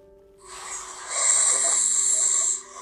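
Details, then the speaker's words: Adult's own snoring recorded on a smartphone during sleep, described as very severe, with marked airway blockage on breathing, in a tongue-falling-back pattern; sleep apnea monitoring context. "와 저의 코골이 수리 또한 범상치 않죠 자 여기 또 있고 아주 심각한 상태입니다 이 소리를 들으면 아 숨 쉴 때 기도가 많이 막히는구나 그 막히는 원인은 이 혀가 넘어가는 그런 패턴의 소리라는 것을 알 수 있습니다"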